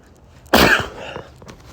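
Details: Male sick with a cold, hoarse voice: a single loud, explosive sneeze with a sharp burst of air, then quiet breathing.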